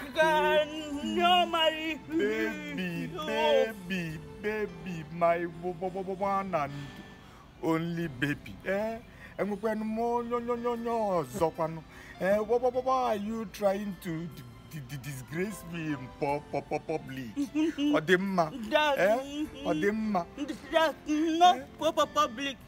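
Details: Male character in a comedy skit portraying a stammerer; stuttering (acted).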